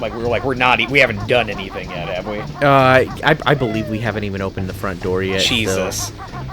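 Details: Adult male speakers, casual commentary; ordinary conversational speech.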